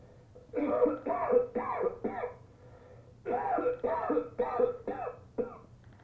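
Two bouts of four voiced, hacking coughs each, pre-recorded and played by a patient simulator mannequin; a simulated cough.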